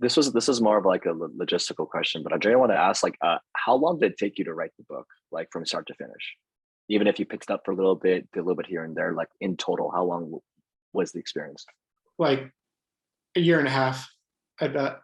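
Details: Adult male speaker; ordinary fluent speech.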